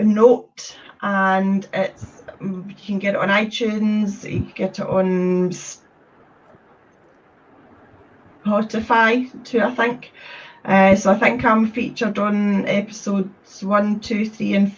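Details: Adult woman from Scotland with a stammer since age three, describing getting blocked when speaking; stuttering.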